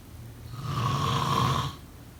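A single low, rattling snore on an in-breath lasting about a second, with a steady tone riding above it. Ordinary snoring.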